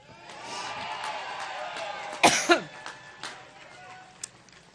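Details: A woman coughing during a campaign speech in Cleveland, 9/5/16, which she attributes to an allergic reaction: two harsh coughs and a few smaller ones over crowd noise, a coughing fit.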